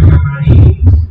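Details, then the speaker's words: Systolic murmur heard at the cardiac apex, taught as mitral regurgitation: low heart thumps with a continuous whooshing noise filling the gap after the first heart sound. "Kalau ternyata murmurnya kadang-kadang pada saat dia berkejut, sistol. Oke, sistolik. Kalau bisa murmur sistolik di apical berarti mitral pada saat arteri kamu berkontraksi, mitral bagaimana? Lagi tutup. Jadi kamu butuh suara regurgitasi."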